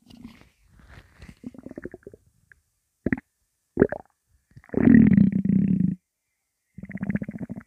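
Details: Loud, non-stop bowel sounds (borborygmi): rolling stomach rumbles and gurgles, one sustained growl; faint background music.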